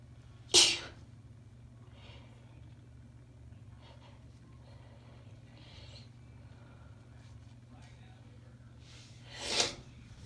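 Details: Female soft sneezes in cold weather: two sharp, hissing sneezes about nine seconds apart in a quiet room with a low background hum; ordinary sneezing.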